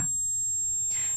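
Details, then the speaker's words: Simulated high-frequency tinnitus: a thin, steady, very high-pitched ringing tone, the frequency typical of tinnitus with age-related high-frequency hearing loss. "노인성 난청일 때 그 연세가 드셔서 이제 청각이 떨어지게 되잖아요 그럴 때 고음역 난청이 생기는데 이런 주파수의 이명으로 많이들 내원을 하십니다"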